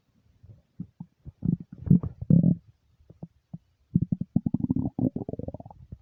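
Loud gurgling and rumbling bursts from an empty stomach, normal hunger rumbles.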